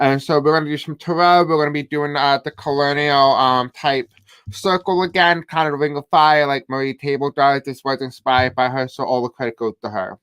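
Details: Deaf male speaker with a self-described deaf accent who reports difficulty pronouncing certain words; deaf speech.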